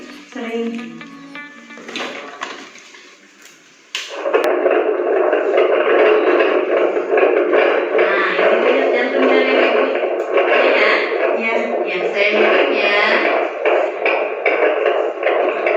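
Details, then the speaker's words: Simulated midwifery role play: fetal Doppler on mother's abdomen, rapid rhythmic whooshing fetal heartbeat at 140 per minute, within the stated normal 120–160; mother and fetus healthy; normal fetal heart sounds. "Berdasarkan hasil pemeriksaan tadi Keadaan ibu dan janin sehat Boya tetap jantung bayi Ibu tadi 140 kali permenit normalnya detak jantung bayi dalam 1 menit itu 120-160 kali permenit"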